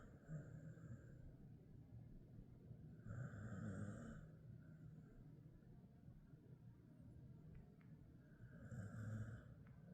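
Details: Ten-year-old male Jindo-mix dog sleeping, low rumbling snoring in slow cycles, roughly 10 breaths a minute, faint room noise behind; snoring.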